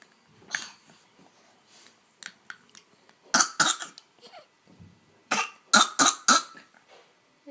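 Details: Young boy coughing on purpose despite being told to stop: short, forced coughs in two quick clusters of three or four; voluntary cough.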